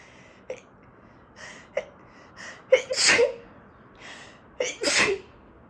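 A run of sneezes, each with a short indrawn breath then a sharp burst, with two loud sneezes near the end; an allergic sneezing fit.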